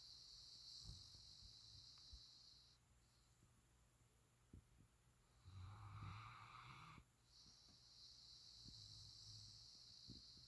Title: boo snoring